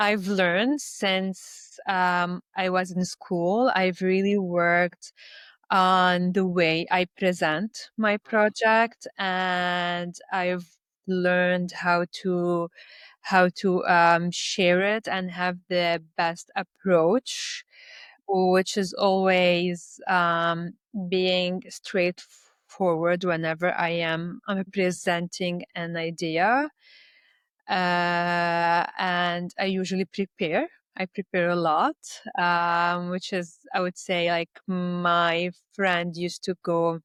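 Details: Adult Lebanese woman who stutters, with blocks and repetitions in her speech; stuttering.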